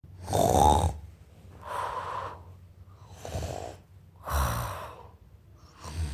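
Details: Loud, rough snoring breaths with a low rumble, several cycles in six seconds, rattling on both inspiration and expiration.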